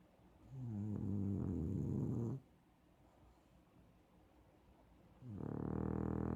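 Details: Heavy snoring: loud, rumbling, buzzing inspirations of about two seconds each, separated by quiet pauses.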